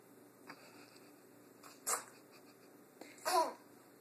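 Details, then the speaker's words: A female sneezes twice in a quiet room: two short, sharp, hissing bursts about a second and a half apart, followed by "bless you." Small sneezes. "you don't have any more sneezes huh you feel better now after you sneezed"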